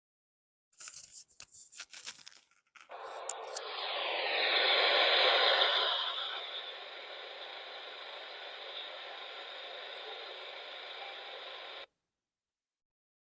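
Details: Simulated tinnitus: a steady, static-like hiss heard as constant ringing or rushing in the ears. It is described as a type mostly affecting young people with poor sleep habits, anxiety or depression.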